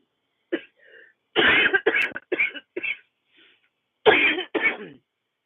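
A short throat-clearing sound, then a run of harsh, rough coughs in quick bursts, with a brief pause before two final coughs; an adult cough.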